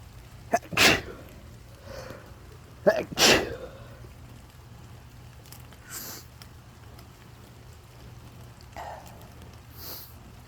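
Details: Two sharp, forceful sneezes, each with a quick catch before the burst, during an outdoor walk in the rain with steady background noise.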